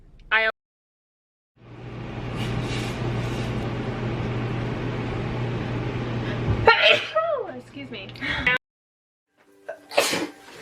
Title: Sneezing compilation | Sneeze Tube